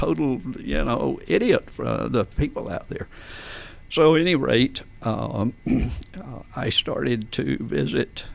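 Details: Adult man with adductor spasmodic dysphonia, onset around 1999-2000: laryngeal spasms make his vocal folds slam together and not release, so speaking takes more effort; treated with botulinum toxin injections; adductor spasmodic dysphonia.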